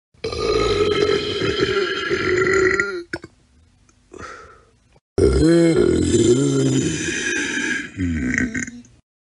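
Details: Royalty-free burp sound-effect compilation: two long, loud, voiced belches with a rough croaking quality, separated by a brief pause; burping.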